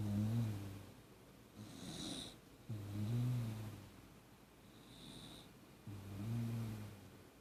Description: Beagle Jack Russell mix lightly snoring on a Saturday morning